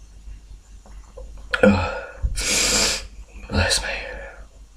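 A sharp inhaled catch, then two forceful open sneezes with a breathy, hissing release and some sniffling; sneezing.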